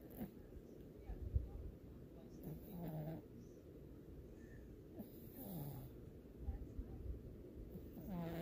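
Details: Our 11-year-old cat Karmey snoring: soft, low snuffling breaths over a steady low room rumble, quiet snoring from a sleeping cat.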